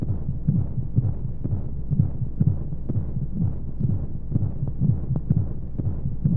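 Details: Womb-sound sleep aid for babies: muffled low rhythmic thumps at about 125 a minute over a steady whooshing hum and white noise; heartbeat as heard inside the womb.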